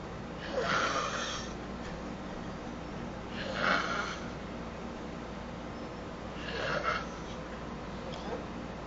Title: Old man is snoring